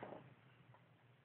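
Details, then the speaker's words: Person's stomach growling audibly during a conversation, possibly from hunger. "was that your stomach are you are you hungry geez that's my stomach man"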